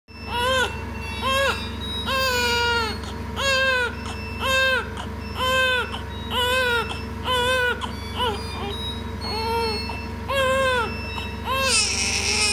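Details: Newborn baby admitted to a neonatal care unit for treatment: rhythmic newborn crying, about one cry a second, over a steady low hum and faint music.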